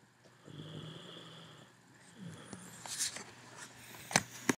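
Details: Person snoring: low rattling breaths with snorting sounds, ending in sharp snorts, in a quiet room.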